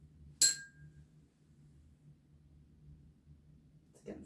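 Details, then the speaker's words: Rinne hearing test during an ear, nose and throat assessment: tuning fork struck on the palm before placement on the mastoid bone, giving a sharp strike then a brief high ringing tone that fades. "w for the writing test I'm going to strike the tuning fork on my palm and I'll be placing the tuning fork up against your mastoid bone you tell me when you can hear it and then when you cannot hear it"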